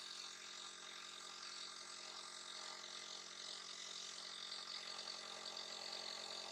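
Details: Constant buzzing hiss with motor hum from a nebulizer used as a breathing aid for a little one who coughs and sneezes; nebulizer running.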